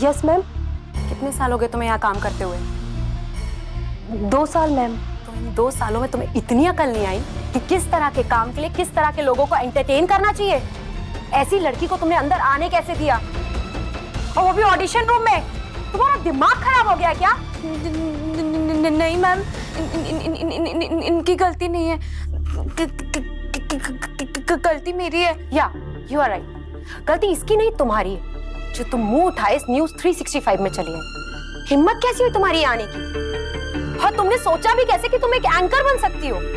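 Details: Acted stuttering (stammer) portrayed by a young woman character in a Hindi TV serial, with word repetitions.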